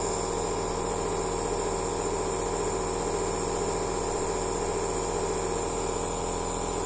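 Steady mechanical hum with a rapid pulsing buzz and a hiss of spray, a nebulizer compressor running continuously.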